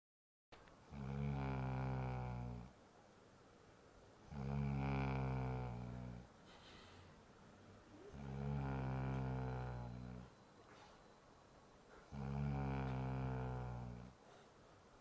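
Four deep, buzzing, regular snores with quieter out-breaths, about 15 breaths a minute: steady loud snoring.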